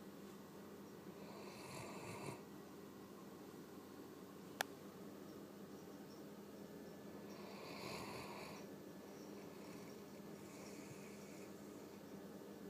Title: Rocky snoring